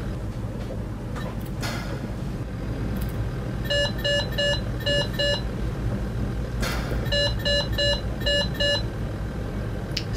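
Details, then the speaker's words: Simulated Alaris PCA pump with end-tidal CO2 module during continuous narcotic infusion: as the patient's respiratory rate falls below set limits, repeating high-pitched capnography alarm beeps sound in two bursts and the PCA enters pause protocol. "tell the patient to take a big deep breath, come out of that alarm. Now we're in a pause protocol, the patient did not come up enough and recover enough because it dipped below the settings that were set in the end tidal module."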